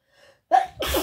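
A brief in-breath, then a sharp sneeze burst with a wet, spluttering release.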